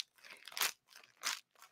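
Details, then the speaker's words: Imitation of a pericardial friction rub, made with an object rather than a real patient: two brief scratchy crunches like walking on snow, audible without a stethoscope. "Like, you can hear a pericardial friction rub without a stethoscope. And it sounds almost like it sounds like a crunching sound, like snow."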